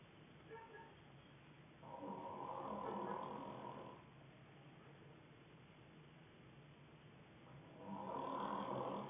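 Two long rattling snores on inhaling, separated by quiet breathing out, about 10 breaths a minute: ordinary snoring.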